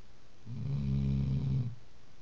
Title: Snoring Bastard